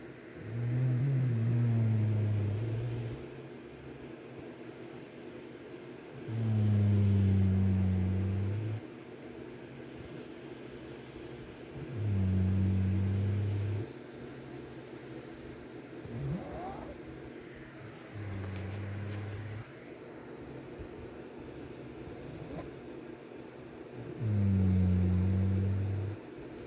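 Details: A sleeping child snores in a steady rhythm of low, rumbling sounds, about eleven a minute.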